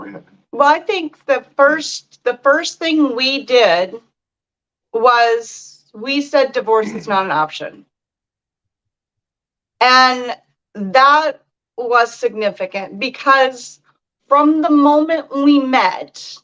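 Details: Adult speaker; normal speech.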